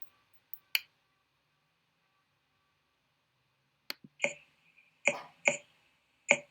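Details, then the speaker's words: Normal resonant lung percussion note over aerated lung: a series of sharp percussion taps, each with a loud, low-pitched, prolonged hollow ring, in a quiet room. "El primero del cual vamos a hablar es el sonoro, resonante o claro pulmonar. Básicamente es un sonido de intensidad fuerte, tono bajo y duración prolongada, y se obtiene percutiendo el pulmón aireado."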